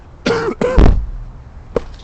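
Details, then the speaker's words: Adult recovering from a cold: three harsh coughs, the first two close together and a short one after a pause; ordinary cough. "excuse me I need to stop coughing on the screen that's unprofessional"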